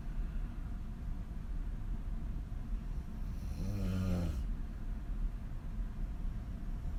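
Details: Adult woman sleeping on her back with her mouth wide open: one loud, rattling snore lasting about a second over a steady low room rumble. Heavy snoring.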